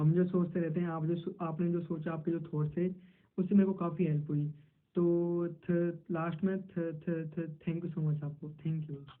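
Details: Male self-described person who stammers, speaking Hindi while role-playing a stammering interview; stuttering.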